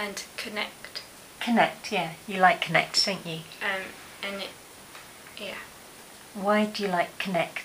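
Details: Adult woman; no speech disorder.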